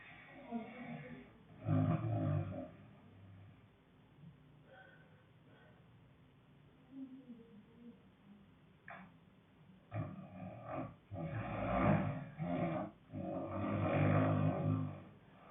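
Low, rough, growling breath noises in repeated bursts with quieter stretches between: loud snoring.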